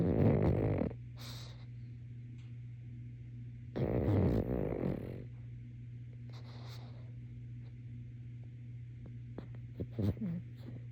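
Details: Sleeping pug snoring: loud, rough, rattling snorts in irregular bursts between quiet stretches, over a steady background hum.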